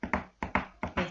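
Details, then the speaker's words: Heart failure patient with a gallop rhythm, a third or fourth heart sound in a galloping cadence, rapid at about 150 a minute; gallop rhythm (S3/S4). "con respecto a las manifestaciones clínicas de la insuficiencia cardíaca en la esculta eh de los focos cardíacos vamos a escuchar un tercer eh o cuarto ruido que es el ritmo de galope lo cual se escucha"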